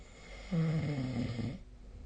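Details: A single low, rattling snore lasting about a second over quiet room hiss during sleep; snoring, recorded with the SnoreLab snoring app.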